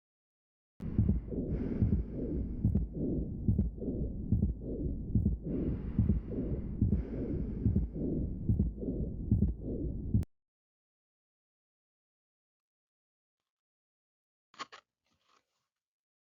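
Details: Teaching recording on precordial auscultation for medical students, mitral stenosis: regular heart sounds with an opening snap and a low diastolic rumbling murmur filling the gaps between beats, then silence.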